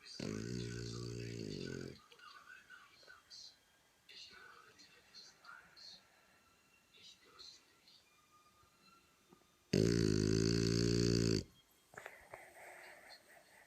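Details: Dog snoring: two long, low, buzzing snores about eight seconds apart, with quiet rustling between them.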